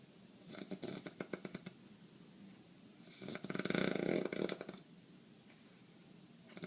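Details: Man with sinus congestion every night causing breathing problems, asleep: two rattling, fluttering breaths in a quiet room, the second louder and longer. Snoring.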